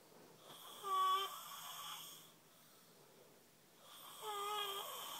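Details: Snoring heavily in sleep, two drawn-out, whistling, wheezy snores about three and a half seconds apart in a quiet room.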